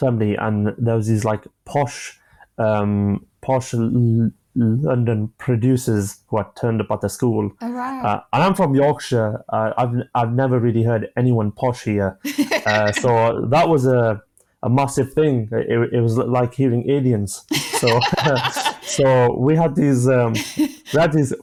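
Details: A 25-year-old male with stammering (stuttering) since childhood, beginning after an asthma attack in primary school; he experiences blocks and manages them with breathing techniques and pauses.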